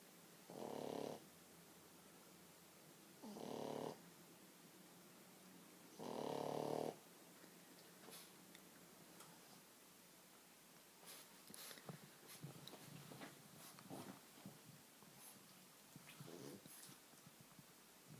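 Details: Sleeping French bulldog lying on owner's legs snores: three loud snorting snores, then quieter snuffling breaths and clicks.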